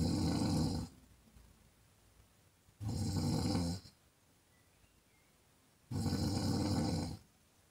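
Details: Adult woman snoring during sleep: loud, rough, vibrating breaths about every three seconds, roughly 20 a minute, with quiet pauses between; heavy snoring.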